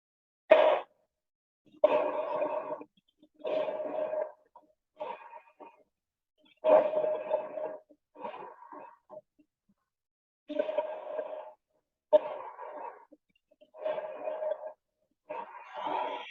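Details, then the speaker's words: Bronchovesicular breath sounds: steady breathing with soft, moderately harsh airflow, a blend of vesicular murmur and bronchial blowing, inspiration and expiration of equal length. "se va a escuchar como un ruido que resulta de la superposición del murmullo vesicular y del soplo bronco y que participa de las características acústicas del uno y del otro y siendo lo más notable que la inspiración y la inspiración duran igual"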